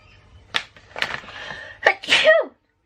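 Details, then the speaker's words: Person feeling nasally says they have to sneeze: a few quick in-breaths building up, then one sharp, explosive sneeze. "Oh man, I have to sneeze. Talk about being nasally."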